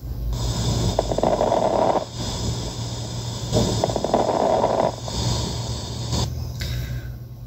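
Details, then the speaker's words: Simulated fine crackles from an auscultation practice app: breath sounds with brief, fine crackling pops during each breath. "y también se puede escuchar respiraciones patológicas por ejemplo unas crepitaciones unos unos ruidos agregados en la respiración por ejemplo las reputaciones finas"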